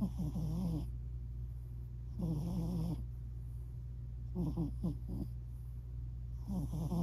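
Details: Little snores from a sleeping British Shorthair cat; the owner hopes it is not sleep apnea; snoring.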